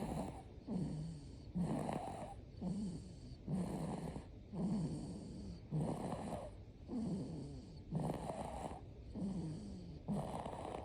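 Regular rough snores on each breath, about 11 in ten seconds, with fluttering vibration; ordinary snoring.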